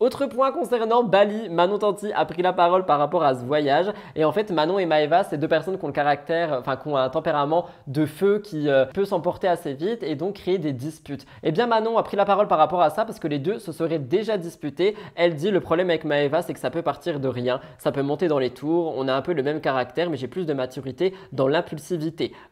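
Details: Adult woman speaking French; Normal speech.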